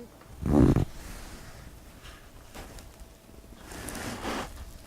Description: Our cutie patootie cat Squishy snoring and dreaming of chasing who knows what!